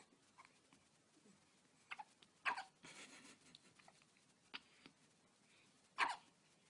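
Brief sharp bursts spaced a few seconds apart, with quiet room noise between them. These are newborn hiccups.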